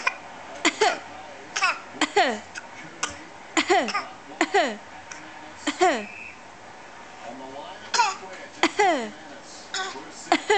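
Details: 7-month-old infant girl makes a series of short, voiced, cough-like bursts with falling pitch, a playful fake cough: voluntary (fake) cough.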